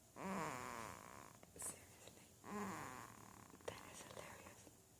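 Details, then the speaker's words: A child snoring: two loud, rough snores with a snorting quality, about two seconds apart, with quiet room noise between them. "He might not be your blood babe, but he sure does know how to snort just like Grandpa."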